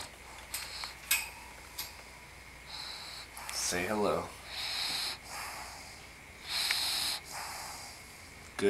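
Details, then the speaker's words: Bulldog asleep, worn out after playing with her pug friend: noisy, snuffling nasal breaths with one rattling snort; snoring/snorting in sleep. "Worn out from playing with Muggsy. Wears you down, huh, Scarlet? And that was y'all's Bulldog snore break for the"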